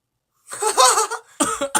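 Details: An adult singer, during a livestream gives a short run of harsh, partly voiced coughs: one long burst, then two quicker ones. A cough.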